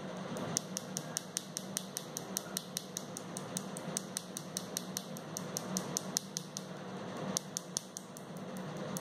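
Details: First session of Nd:YAG laser tattoo removal: rapid sharp snapping clicks, about 150 a minute, over a steady machine hum, from the laser pulses.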